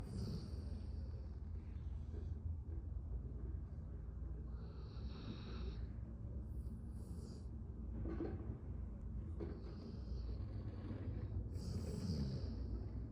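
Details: Sleeping dog, soft irregular snores and snuffles over a steady low background hum; snoring.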